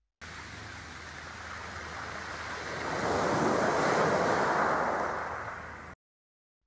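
Soft surf-like rushing swells and fades with no set pattern, then stops: an ocean-wave tinnitus relief sound from a hearing aid.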